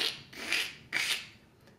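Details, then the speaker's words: Pleural friction rub demonstration: isolated creaking, grating sound during inspiration, two crunching bursts likened to walking on snow. "you'll hear an isolated area that kind of sounds like a creaking or a grating sound during inspiration some people use the term like if you're walking on snow and you kind of hear that"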